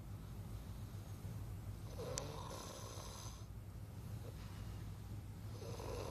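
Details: Low, rough, rumbling snore during a person's sleep breathing, recorded at night; snoring.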